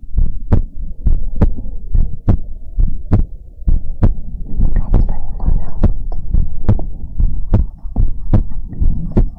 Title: ASMR Heartbeat Sounds and More | Heartbeat ASMR #27